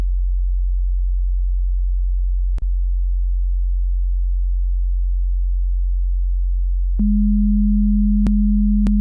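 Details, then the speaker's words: Simulated ASMR role-play hearing test through headphones: a steady pure tone begins after several seconds of quiet room hum, with a few sharp clicks, while the listener is asked to identify the higher-pitched beep among grouped beeps; audiometry pure-tone beep. "beeps do here, but be very careful because they're groups, so it might be tricky. Tell me when you hear the higher pitched beep."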